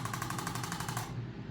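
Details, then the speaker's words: Woman 39 weeks pregnant receiving chiropractic care for pregnancy pain: rapid even mechanical clicking for about a second from a handheld adjusting instrument applied to the lower back to balance the system. "So we can now use the instrument to balance the system."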